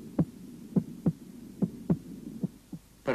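Regular paired lub-dub heart sounds at about 70 beats a minute, with no added sounds between them; normal heart sounds.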